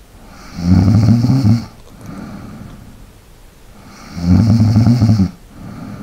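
Two loud, low rattling snores on the in-breath, each followed by a quieter out-breath, about 16 breaths a minute; ordinary snoring.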